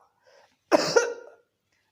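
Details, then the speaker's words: Imitated cough with pain arising anywhere in the body (knee, arm, chest) with each cough, the patient's hand going to the painful spot; homoeopathic cough-type demonstration (Capsicum). "इसमें क्या होता है कि जैसे ही पेशेंट को खांसी आती है और उस खांसी के साथ ही उसको बॉडी में कहीं भी दर्द उठ सकता है, कहीं भी।"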